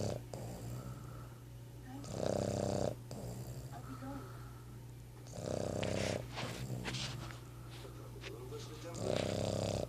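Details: Boston terrier snoring: loud, rattling snores about every three and a half seconds, roughly 17 breaths a minute, over a steady low hum.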